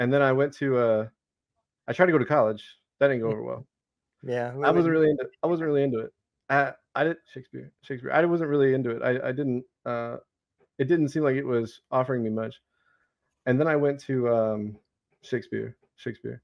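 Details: Adult male Navy veteran with Tourette syndrome beginning around age 25, a repeated single-word vocal tic interjected while speaking: vocal tics (Tourette syndrome)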